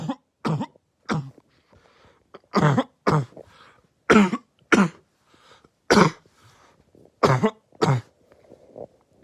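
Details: Barking cough: about a dozen harsh, abrupt, bark-like coughs in quick single bursts with brief pauses, from a compilation of coughs.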